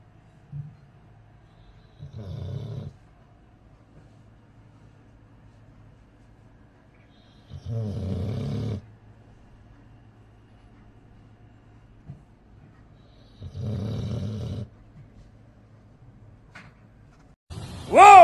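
Loud, rattling, human-like snores from a sleeping dog, three breaths about 5–6 seconds apart; a brief whistle-like sound at the end.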